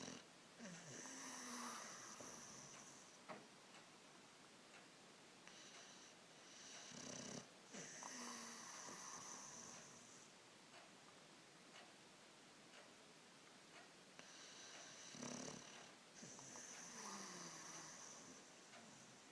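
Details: Boxer dog snoring: wheezy, whistling snores with snorting breaths, about four in twenty seconds, in a quiet room; snoring in a short-nosed dog.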